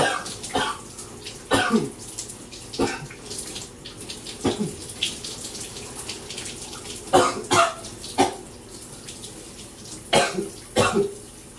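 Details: Repeated harsh coughs, about a dozen, under running shower water, from a person with a throat bug that won't let up; ongoing coughing fits.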